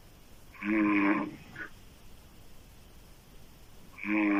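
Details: Adult woman snoring loudly with open mouth: two loud rough voiced snores separated by a quiet pause.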